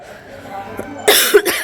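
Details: Woman with a troublesome cough and a badly sore throat, walking outdoors in the evening: two loud, harsh cough bursts after a quiet stretch of street noise; an ordinary cough during a respiratory illness.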